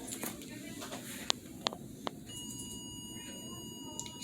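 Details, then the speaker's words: Non-critical alarm of an implanted baclofen pump (under the skin, refilled monthly for spasticity), played as a demonstration during a refill visit; a steady electronic tone over room noise, signalling a refill is due, low battery or replacement. "the other alarm is what we call the non-critical still important and still something that you absolutely need to notify your pump team about it may be your alarm that it's time for a refill or some other event"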